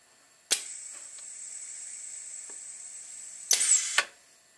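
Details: Prototype ventilator that squeezes a standard 1500 ml manual resuscitator bag with an air-cylinder-driven ram, through a PEEP valve: a sharp click, about three seconds of steady airflow hiss, then release clicks for one breath cycle.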